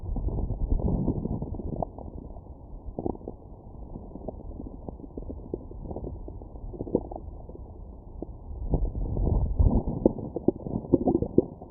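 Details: Stomach growling after a McDonald's meal, recorded with a Stemoscope stethoscope: low, muffled gurgles and rumbles in irregular bursts; ordinary bowel sounds of digestion.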